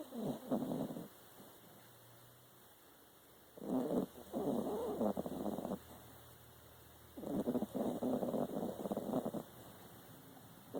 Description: Trixie our dog snoring